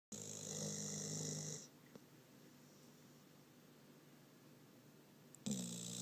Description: Patsy the ARF foster dog is a snorer, but she also sleeps with her eyes open!